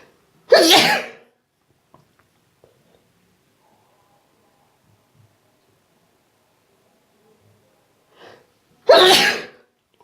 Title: Q-Tip induced sneezes